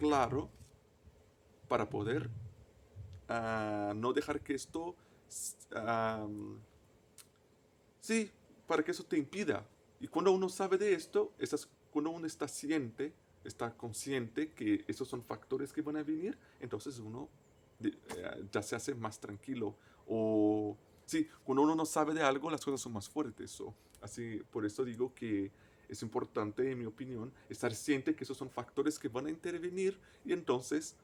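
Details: Adult male native Portuguese speaker who stutters, speaking Spanish as a foreign language; stuttering.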